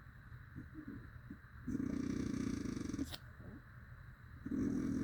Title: 5 minits of strate snoring sounding like a dirtbike